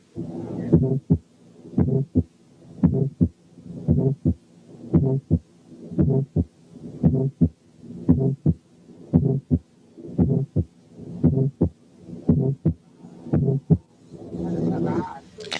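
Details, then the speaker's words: Musical functional systolic murmur heard over the tricuspid area with the stethoscope diaphragm: regular heartbeat near 57 a minute with a soft musical systolic murmur. "6 كانت ميوزيكال فانكشنال سيستوليك ميرمر."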